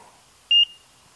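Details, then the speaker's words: A single short, high-pitched electronic chirp in a quiet room from a Philips FRX automated external defibrillator, which chirps about every 5 seconds to signal a fault, here an unplugged pads connector. "So if you hear this unit chirping, that means there's a problem. 95% of the time, AEDs are chirping because of a low battery condition."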